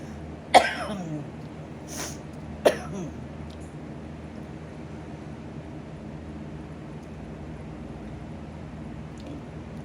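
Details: Adult with a lung infection, using a nebulizer and inhaler, with chest congestion: a brief coughing spell of two sharp, abrupt coughs about two seconds apart with a softer one between, then quiet room noise.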